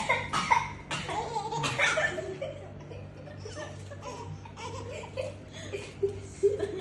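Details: Person coughing while a little sister laughs.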